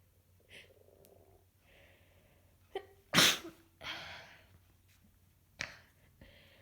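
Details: One strong, wet sneeze with sniffles and congested breathing around it, from a person several days into a heavy head cold with repeated sneezing fits and nose blowing.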